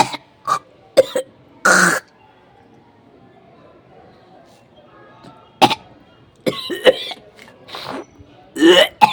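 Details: Hocking, spitting and coughing: several short coughs and harsh throat-clearing hawking sounds separated by pauses, with faint background noise.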